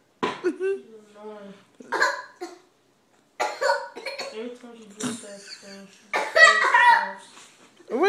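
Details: Two-year-old girl making deliberate, voiced, playful fake coughs mixed with vocal sounds to annoy her brother while he reads; a voluntary cough, not illness.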